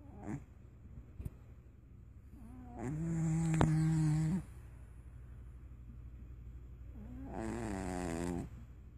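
Two slow, buzzing, nasal snores several seconds apart with quiet between them: a sleeping pet snoring.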